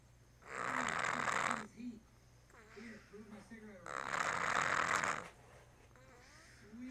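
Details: Two loud, harsh snoring breaths with softer squeaky, whistling sounds between them; snoring during sleep.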